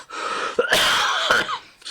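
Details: Adult man, ill and still coughing a week after a cough began, gives two harsh, noisy cough bursts in a small room during a live stream.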